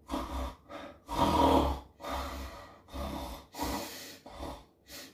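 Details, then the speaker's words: Imitated snoring made deliberately by an adult wearing a 2-in-1 anti-snoring nasal device inserted in the nose; the snoring sound from inside the nasal cavity still comes through unchanged. "비강 안쪽에서 나는 코 고는 소리는 그대로 납니다."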